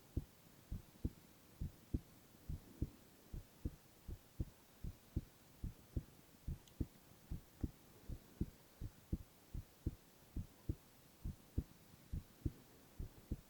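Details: Boy's heart sounds, ASMR recording: soft, steady low heartbeat thumps at about 68 beats a minute over faint background hiss; normal heart sounds.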